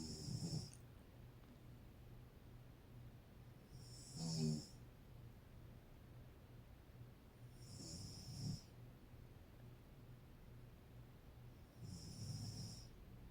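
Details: Low, rumbling snores from a sleeping adult woman (mother), about every four seconds, roughly 15 a minute, each followed by a hissing outbreath: regular snoring.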